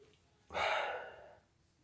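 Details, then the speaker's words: Sneeze deliberately induced with black pepper in a bathroom, which stings: one sudden, breathy, hissing burst of air fading over about a second; a single sneeze. "I'm in the bathroom, so I'm gonna make myself sneeze with black pepper in the bathroom."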